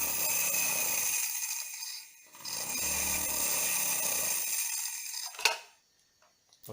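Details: Omron nebulizer air compressor (shaded pole motor) under home repair, steady buzzing hiss as it runs, stops, then starts again; nebulizer compressor running.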